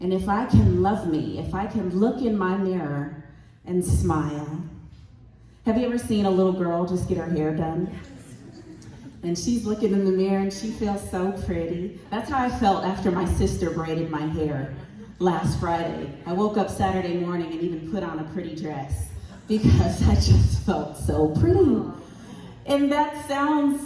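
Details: Adult woman speaking; normal fluent speech.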